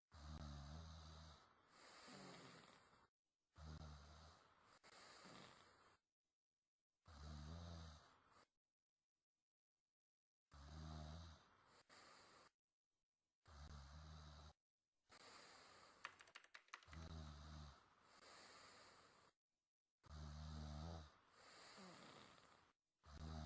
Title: SNORING.